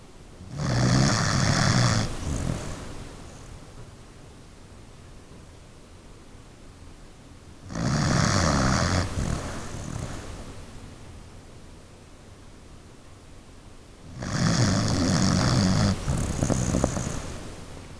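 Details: Heavy snoring in a sleeping pet dog: three loud, rough, rattling snores about seven seconds apart, roughly nine per minute, over steady room hiss.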